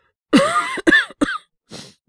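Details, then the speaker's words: Acted (simulated) male voice performing a common-cold cough, coughing a lot since yesterday without a sore throat: three short mild coughs followed by a breath. "なんか、昨日から結構咳が出てて、喉が痛いとかまではいかないんですけど。"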